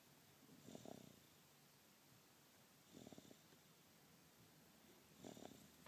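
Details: Baby snoring: soft rhythmic snoring with a rattly, snorting quality on each breath, about 26 breaths a minute, over faint room hiss.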